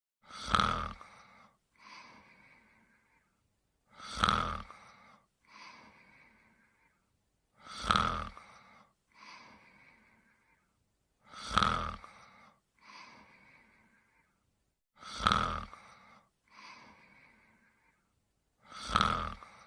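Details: Simulated cartoon snoring sound effect (Pink Panther), not a real recording: a loud rasping inhale, then a softer whistling exhale, about 16 cycles a minute.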